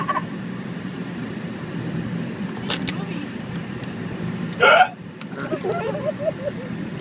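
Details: Real hiccup, not faked, recorded outdoors: a single sharp hiccup-like burst over steady traffic noise.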